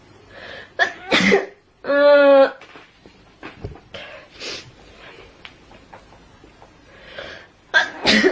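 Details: Sneezing compilation of a person from Xinjiang: several sharp, explosive ordinary sneezes with a brief voiced sound between them and faint room noise.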